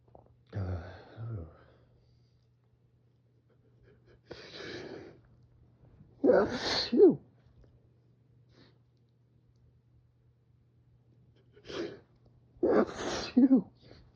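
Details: Person with spring pollen allergy, sitting by an open window to breathe in pollen, reading a manga author's note aloud; several sharp explosive sneezes, each preceded by catch breaths and separated by quiet pauses, repeated allergic sneezing.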